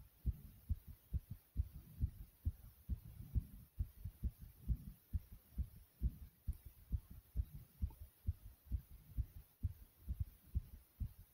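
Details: Fast, strong, regular heartbeat at about 130 beats a minute after doing jumps in place: tachycardia after exercise.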